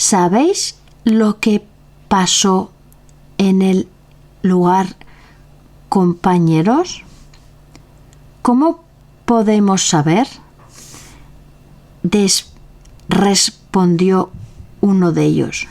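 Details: Aphasia in a member of an association for people with aphasia after stroke or acquired brain injury (Afasia Activa), recorded reading Don Quixote chapter XII aloud in Spanish.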